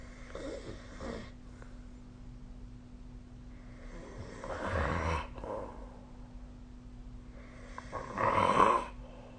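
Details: A sleeper's snoring recorded with the SnoreLab app: three rough, rattling snores on breathing in over about nine seconds, with a steady low hum in the room; snoring.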